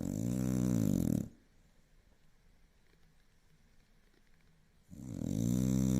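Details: Hardcore snoring: loud, deep, rattling snore on the in-breath, then a quiet pause of a few seconds before the next loud snore.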